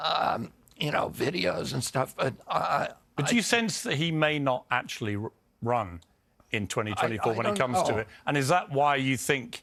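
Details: Adult male speaker; normal voice.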